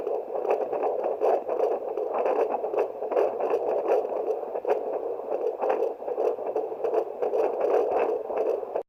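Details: Fetal heart rate check with a fetal Doppler, which can be done at home: whooshing Doppler static with faint repeated pulsing of the fetal heartbeat.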